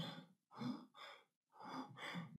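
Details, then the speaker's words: Demonstration imitating Kussmaul breathing in diabetic ketoacidosis: deep, fast, heavy hyperventilation that blows off CO2 to compensate for the acidosis. "paciente na certa acidose diabética ele pode apresentar esse padrão respiratório chamado respiração kussmaul Olha que loucura pesado nessa respiração ele hiperventila"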